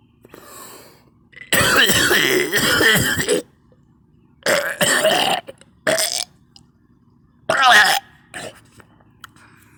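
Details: Coughing with vomiting twice: harsh, prolonged guttural coughing bursts running into retching, with quiet pauses.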